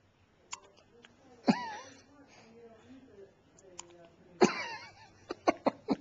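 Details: Sharp, abrupt catches in the throat, several in a quick run near the end, with vocal sounds between them; hiccups.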